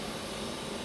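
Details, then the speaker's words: Home 10-litre oxygen concentrator just switched on, flow adjustable 0 to 10 L/min via nasal cannula: steady mechanical hum and airy whir of the running machine. "after that proceed to turn on from here so the oxygen concentrator will start working"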